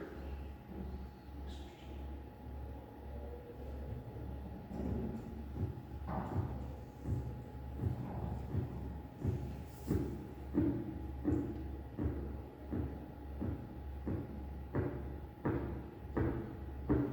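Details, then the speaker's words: Korotkoff sounds while the blood pressure cuff deflates: silence, then rhythmic tapping that begins at 116 mmHg and continues through its phases until it disappears at 90 mmHg; blood pressure 116/90. "You will hear nothing until the first carotid cough sound appears at 116 millimeters of mercury. The various phases of carotid cough sounds will be heard until their disappearance at 90 millimeters"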